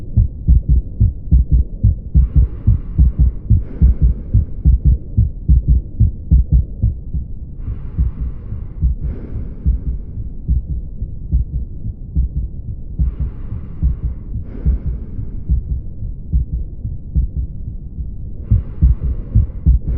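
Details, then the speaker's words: Hypertrophic obstructive cardiomyopathy, with thickened heart muscle impairing pumping: a regular heartbeat near 72 a minute with a soft whooshing murmur between beats. "जिसकी वजह से हमारा heart है उसको pump करने में दिक्कत रहती है तो इस कंडीशन की वजह से आपको कुछ इस तरह हार्ट साउंड सुनने को मिल सकता है"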